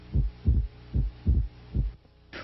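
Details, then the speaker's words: Normal physiologic splitting of S2, usually heard over the pulmonic area and widening with inspiration: regular low heart sounds near 75 per minute with a slightly broadened second sound. "this occurs as a normal physiologic splitting of S2 with respirations the second component in increases with inspiration because of the changes in intrathoracic"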